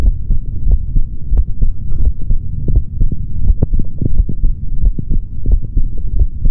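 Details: Male body sounds recorded through a stethoscope for ASMR, no talking: muffled, low, rhythmic thumps at roughly 85-90 a minute with a steady hum; normal adult heart sounds.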